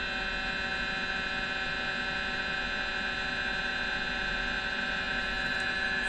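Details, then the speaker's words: 1.5 Tesla MRI contrast venography of the brain, patient head first in a head coil, 3D sequence started with contrast injection, arterial then delayed venous phase for sinuses; steady loud electronic hum with a high whine. "soon as he started contrast over there I click on the scan the first phase will be article and second phase will be a delayed contrast for sinuses"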